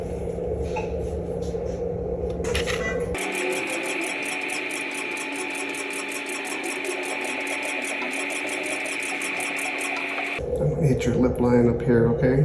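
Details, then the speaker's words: Rapid, regular mechanical pulsing with a high buzzing tone for several seconds. A Morpheus8 radiofrequency microneedling handpiece is firing on the cheek at depth setting 4, near but avoiding the lip line. "so when we do this we're trying to stimulate the collagen growth here we're trying to stay away from the lip line cuz that becomes painful"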